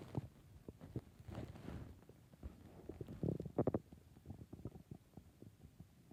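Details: Stomach growling (borborygmi): irregular gurgles, bubbling pops and low rumbles heard in a quiet room; normal bowel sounds.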